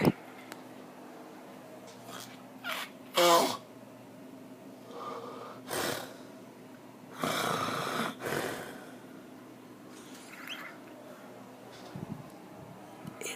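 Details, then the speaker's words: Human snoring during sleep at about one in the morning in a dark room: irregular rough, rattling snorts likened to monster or orc noises in a quiet room; snoring. "like an orc only it's a human being a story listen again they're being spawned its disgusting good night"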